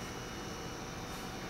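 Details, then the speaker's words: Heart-lung machine (cardiopulmonary bypass) constrained vortex blood pump spinning at 1,100 rpm generating three liters of flow: steady low hum and whir at constant speed, normal operation. "this is a constrained vortex pump and right now it's it's spinning at 1,100 rpm and generating three liters of flow"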